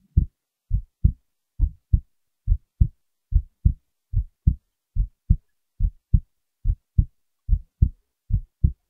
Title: heartbeat recording